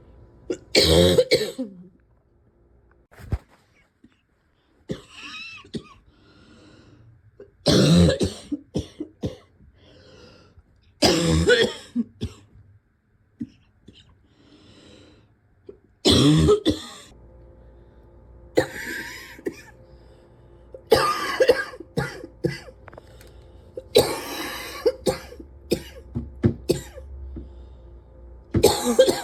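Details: Repeated harsh cough bursts recurring every few seconds, with quiet breathing and low room noise between them.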